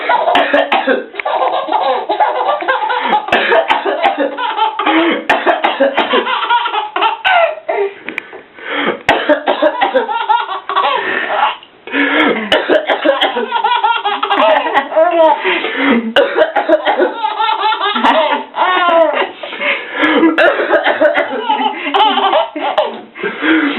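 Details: Adult deliberately gives repeated voluntary coughs while a baby laughs and squeals in reply; baby seems to enjoy the coughing.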